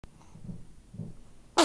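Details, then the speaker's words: A sleepy person sneezing: two soft breaths, then a sudden sharp burst of air at the end, consistent with a sneeze. "I'm so glad I got that on video I'm going die to get his sneezes on video"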